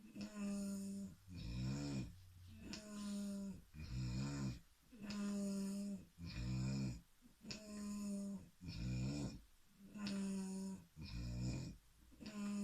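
Loud, regular snoring about 25 breaths a minute, with buzzing, fluttering sounds on both breathing in and breathing out.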